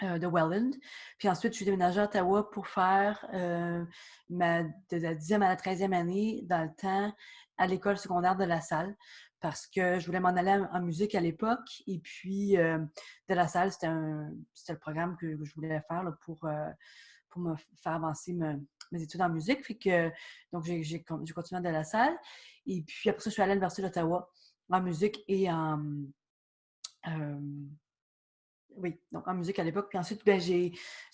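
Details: Adult woman speaking French; no speech disorder.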